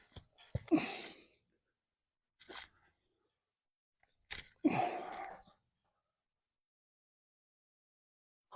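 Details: A mare snorts during a chiropractic stretch and shoulder adjustment, possibly a shoulder rather than neck problem. Two sharp, explosive nasal bursts a few seconds apart with short snorts between: sneezing or blowing out.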